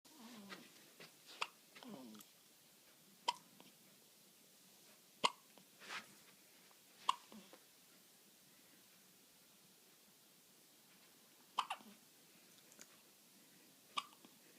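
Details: Infant girl hiccuping: short, sharp, irregularly spaced catches, roughly 30 a minute, in a quiet room; hiccups.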